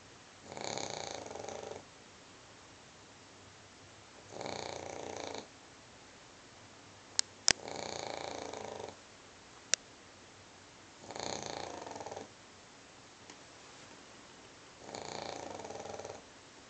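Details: A sleeping pug snoring, a habit the owner reports, with rough, noisy breaths about sixteen times a minute.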